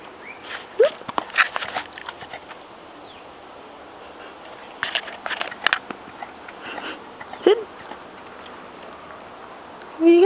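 A dog makes three brief, squeaky hic sounds at irregular intervals, with soft sniffing and clicking noises between them; these are hiccups.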